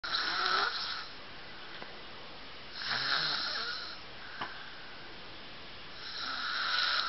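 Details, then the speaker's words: Snoring in sleep: slow, rhythmic, airy snores on each breath, roughly three seconds apart, with a hissing, whistling edge. "snoring in her sleep. Like, is she always snoring in her sleep?"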